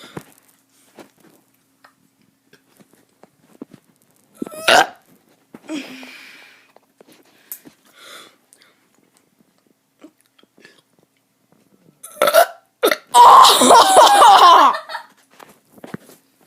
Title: Kid doing burps 5